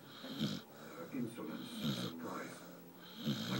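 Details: Sleeping puppy lying in the warmth of a wood stove: soft, snuffly snoring breaths, about four in a few seconds, with faint room noise; dog snoring.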